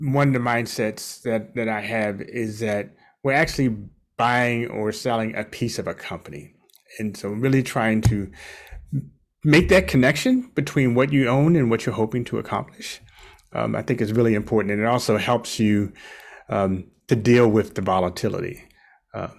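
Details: Adult man speaking; no speech disorder.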